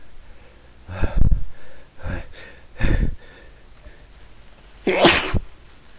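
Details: A person who has been sneezing a lot all day gives several sharp sneezes with breathy lead-ins, the last one loud and explosive; repeated sneezing.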